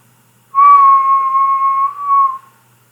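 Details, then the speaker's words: Simulated pure-tone audiometry beep: a steady low-pitch tone lasting about two seconds, demonstrating how test beeps get softer until barely audible. High-pitch beeps follow later in the test. "some audiologists play even shorter bit like so it's lower low in volume that's low PhD after that you'll hear High PC beep like so"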